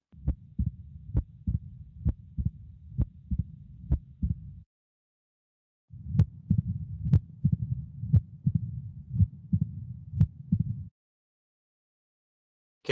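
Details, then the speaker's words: Real patient recording of mitral stenosis. A loud S1 is followed by a totally quiet systole, then S2, an opening snap, and a rumbling diastolic murmur that grows louder just before the next S1. "systole is totally quiet then you have s2 and then an opening snap and then a rumbling diastolic murmur that gets louder right before s1"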